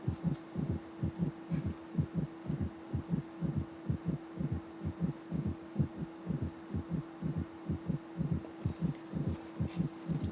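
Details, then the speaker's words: Combined S3 and S4 gallop at a regular rate near 63/min: the first and second sounds, plus an extra low presystolic S4 and a protodiastolic S3 heard before and after them. "Lo escuchamos y también existe un S4 que es un presistólico o telediastólico y un protoodiastólico que es el S3."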